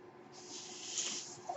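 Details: A man with a ventilator speaks over the noise of his own mechanical ventilator, which he identifies himself.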